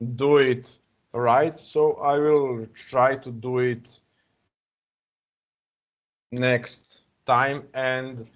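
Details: Adult man who stutters, speaking English as a second language, uses a speech technique of focusing on the first or second vowel of a word; heard with hesitations and repeated fillers; stuttering.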